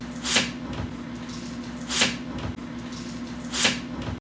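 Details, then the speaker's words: Dog sneezing, a reflex forcefully expelling foreign material from the nose: three short, sharp, hissing nasal bursts, evenly spaced, over a low room hum; may or may not be pathological. "이게 재채기 소리예요 ‘취!’ 하면서 코 안에 있는 이물질이 바깥으로 강하게 밀려나오게끔 하는 행위가 재채기입니다"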